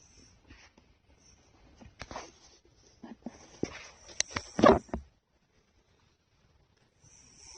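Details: A sleeping cat gives soft, irregular breathing noises with one louder snorting snore in a quiet room: snoring.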